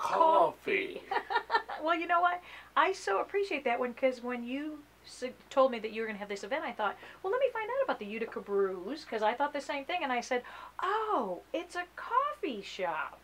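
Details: Adult woman speaking; ordinary speech.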